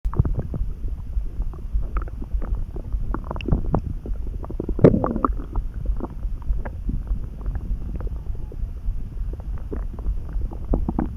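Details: Sudden stomach rumbling while neither hungry nor full, felt in the pit of the gut: continuous low gurgling and rumbling with scattered pops and squelches, one louder gurgle midway; active bowel sounds, borborygmi.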